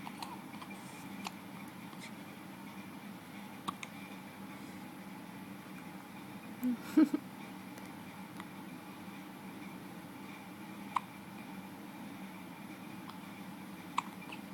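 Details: Soft, brief hiccups every few seconds from a drowsy baby trying to fall asleep in a quiet room; hiccups.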